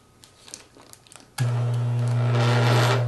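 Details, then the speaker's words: A few clinks, then a dental lab vibrator switched on low with a steady deep buzz, used to remove air from mixed dental stone before pouring alginate impressions. "Turn the vibrator on low and place the bowl on the work surface. Covering the vibrator with a plastic bag will make for easier cleanup."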